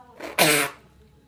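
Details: A short breath in, then one sudden loud burst of air through the nose and mouth: a single sneeze.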